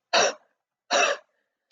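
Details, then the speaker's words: Huff cough demonstration to loosen secretions: deep breath in through the mouth, then two long, open-throated forced exhalations rather than short choppy coughs. "when you're doing this try to remember to not do short choppy coughs you just want to do long Huff coughing"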